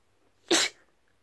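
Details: An induced sneeze: one abrupt, hissy burst of air lasting under a quarter second.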